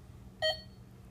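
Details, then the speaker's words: A single short electronic pulse beep from a Biolight M8000 patient monitor as the SpO2 finger sensor, just placed on a finger during a setup demonstration, picks up the pulse and waveform. "onto the finger gonna get me a nice pulse and waveform there"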